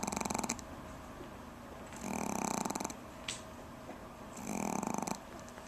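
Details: Pomeranian dog snoring: fluttering, buzzing snores every two to three seconds with quiet pauses between.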